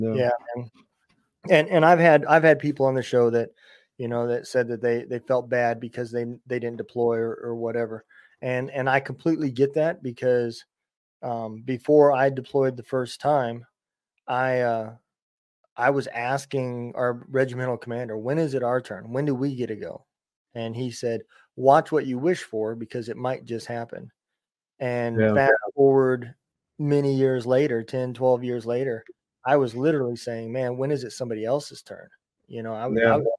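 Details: Adult man speaking; normal conversational speech.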